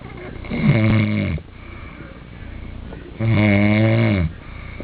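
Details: Person asleep, recorded by someone else: two loud, rattling, droning breaths about two seconds apart with quiet pauses between; snoring.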